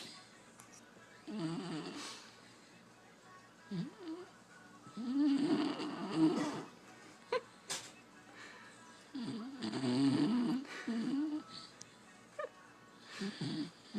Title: Snoring beagle won't wake up